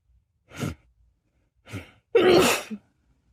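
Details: Female sneezing: two softer sneezes followed by a loud, forceful burst.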